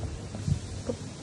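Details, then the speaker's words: Abdominal percussion in a man with ascites, distended abdomen: soft, low, flat taps without hollow ring where tympany was before he turned onto his side, dullness that moved; positive shifting dullness. "sini peka berarti di sini ada pokok yang berpindah atau disebut dengan setting downloadernya positif"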